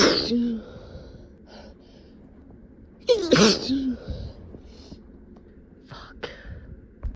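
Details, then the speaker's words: Acted, simulated sneezing in a hiding scenario: a person trying to stay quiet holds back with a sharp intake and a partly stifled explosive burst, then quieter breaths and small stifled sounds. "God, I can't keep stifling them. I've gotta. I've gotta try to hold back, but it's so tickly."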